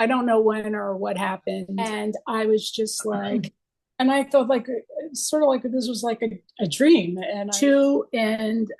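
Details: Aphasia from stroke in an adult female former art therapist, 24 years after the stroke; chronic post-stroke aphasia.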